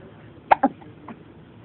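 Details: A child's hiccups: two quick, sharp catch-like sounds close together, then a softer one.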